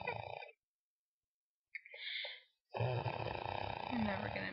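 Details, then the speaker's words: Loud rattling snores on the in-breaths, each followed by a quiet pause and a softer out-breath, from a sleeping sister who has been snoring like this for hours. "She's been snoring like this for hours. It's pretty freaking funny, I think."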